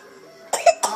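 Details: An infant gives two or three short, abrupt coughs after a quiet start.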